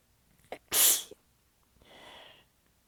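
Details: Inhaled catch, then one forceful sneeze and a softer breathy exhale. Part of a prolonged sneezing fit; the person is exhausted with sore abs and partly stifling the sneezes. The fit was recorded across clips in changing positions, including lying facedown on the floor.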